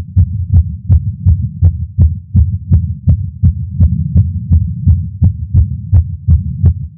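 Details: Male's heartbeat via Stemoscope stethoscope while smoking a cigar after a long break, feeling lightheaded: rapid, regular heartbeat at roughly 160 a minute; tachycardia after nicotine.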